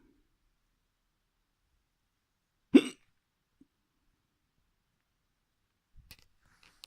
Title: Experimenting with my hiccups part 2 Experimente mit Schluckauf Teil 2